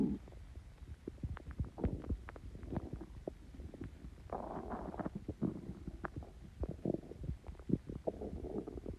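Bubbling, gurgling and popping rumbles from the belly, with irregular clicks and longer gurgles; stomach growling from gas.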